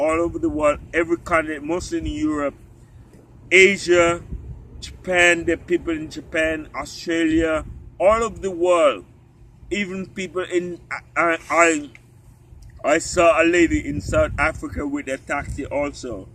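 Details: Ataxic dysarthria in an adult man with genetic spinocerebellar ataxia, which he says affects walking, talking and swallowing.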